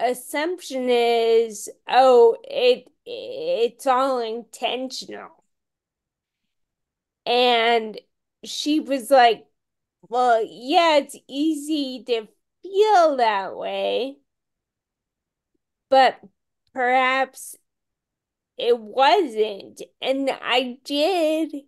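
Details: Ataxic dysarthria in a woman with Friedreich's ataxia, a rare, genetic, progressive disease diagnosed at age 16; she reports voice issues.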